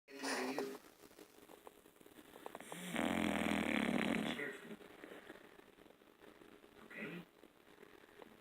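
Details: Sleeping child snoring: soft sleep breathing, one long, rough, fluttering snore and a few shorter breath noises in a quiet room.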